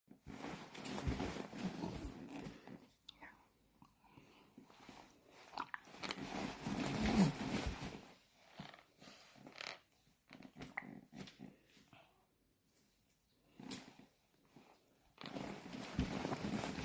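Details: A dog makes repeated wet mouth and throat noises, gurgling as it swallows.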